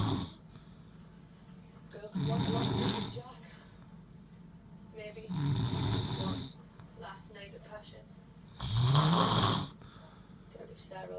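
Three loud, rattling inhaled snores about 3 seconds apart in a quiet room, roughly 19 a minute; ordinary snoring.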